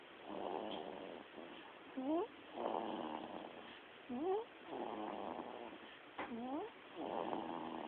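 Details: Nearly 4-week-old sleeping in a pram, snoring unusually: soft rhythmic snoring breaths about 27 a minute, with short high squeaks at the start of some breaths.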